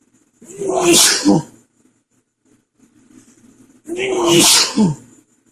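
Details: Repeated cold sneezes in a male with a confirmed cold: sharp indrawn breath then forceful explosive burst through nose and mouth, recorded through the day as single, double or triple sneezes; sneezing.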